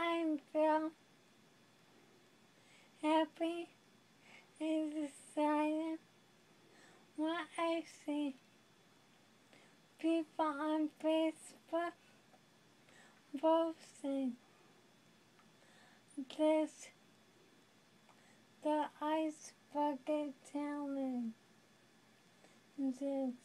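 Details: Young adult woman living with ALS (amyotrophic lateral sclerosis), who says she is becoming a prisoner in her own body; very slow speech broken into single words with long pauses. Dysarthria in ALS.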